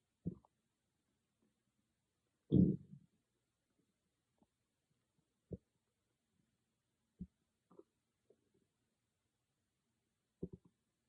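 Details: Stomach growling recorded with an iPhone microphone: scattered short gurgles and one louder rumbling growl against a quiet room; normal borborygmi.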